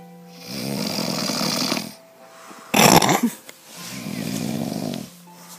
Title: Who snores louder?